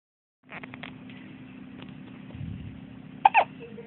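Quiet room with soft baby sounds and two sharp, sudden catches near the end; infant hiccups.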